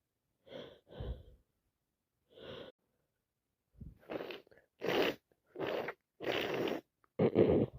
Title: Full of a cold day 3 non stop sneezing and sniffing